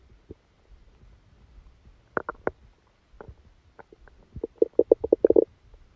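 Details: Loud, rapid bubbling rumbles building from quiet gurgles: active bowel sounds during a stomachache after Christmas dinner, recorded from the abdomen while the person was sleeping.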